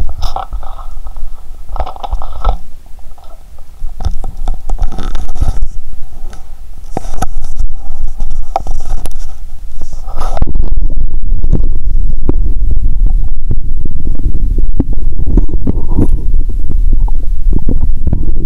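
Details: Abdomen heard through a stethoscope after drinking cola with Mentos, with a painful, swollen belly: irregular low gurgles, rumbles and pops, continuous in the second half, active bowel sounds (borborygmi).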